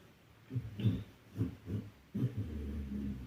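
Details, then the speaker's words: Female pet dog in very deep sleep in a quiet room, snoring really loud: low, rumbling snorts repeating with each breath; snoring. "I find it so cute I don't know if you can hear it I hope you can hear it she's snoring really loud all right let's keep going"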